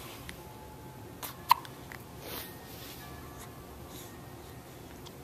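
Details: A single sharp, brief catch over quiet room noise, typical of an infant hiccup.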